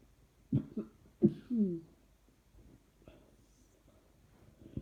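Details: A few short, muffled coughs close together, then quiet breathing. The person says trying not to cough seems to make it happen more. Repeated dry cough.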